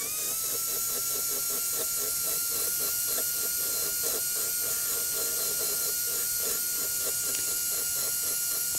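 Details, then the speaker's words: Steady high-pitched whine with faint grinding as a rotary instrument runs at high RPM with light touch on a composite anterior tooth; dental drill. "high RPMs light touch it's the way I like to do it also have your assistant use her high volume suction because that introduces a cooling agent right there to ensure that you're not creating uh heat on this tube"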